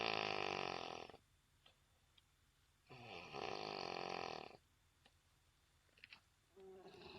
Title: Best Snoring in Noon